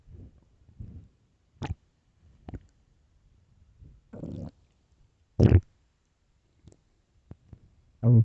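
Irregular low gurgles and growls in short bursts with quiet gaps; ordinary stomach growling.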